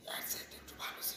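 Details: Hoarseness in an adult patient from a biopsy-diagnosed vocal cord tumour, onset about six months earlier, with weight loss, ear pain and throat pain; the patient smoked bidi and chewed paan.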